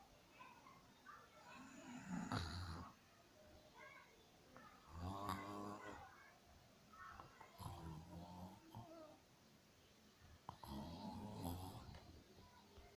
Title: My snore hih SNOREEEE 💗💗💗💗